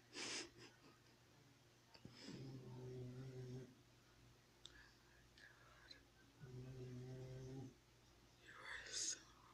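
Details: Two slow, low, rattling breaths about four seconds apart with quiet pauses: a dog named Xena snoring in sleep.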